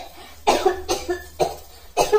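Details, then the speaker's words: Dry cough in a school-age daughter at night, coughing a lot while her mother prepares a home remedy. "बहुत खांसी हो रही है मामा देखो"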